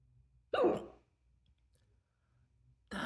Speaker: oh closed mouth hiccup closed mouth hiccup I like that I like the I like the way a closed mouth hiccup sounds actually I do enjoy that